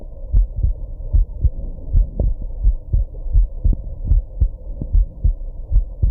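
Steady low heart thumps at about 77 a minute, with occasional sharper jolts mixed in, a heartbeat recorded during hiccups.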